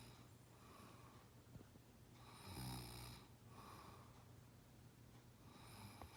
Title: Big snore